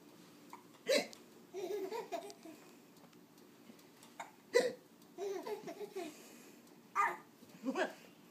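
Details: Infant with sharp hiccups, each followed by a burst of giggling laughter, with deep chest movement; ordinary infant hiccups.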